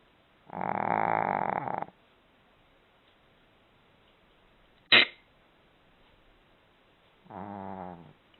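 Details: Dog snoring in sleep before waking up: two rough, buzzing snores about seven seconds apart with a brief sharp sound between.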